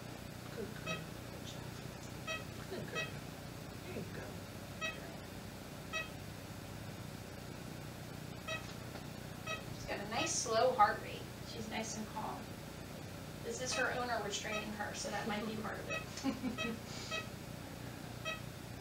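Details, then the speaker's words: ECG skills task: monitor beeps in time with the patient's heartbeat, confirmed by stethoscope; normal heart rate. "it's beating just her heart's beating just with the beep on the machine so everything sounds great"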